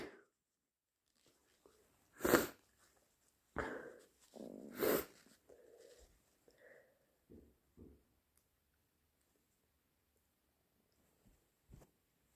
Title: Wet, powerful sneezes and nose blowing (Compilation)